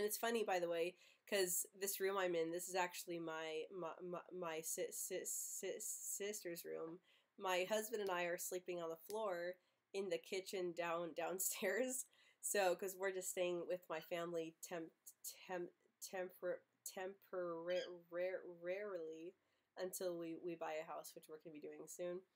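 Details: Stuttering in an adult woman who runs a stuttering channel, speaking with a cold; word repetitions such as "my my" and repeated part-words, with blocks on words also described.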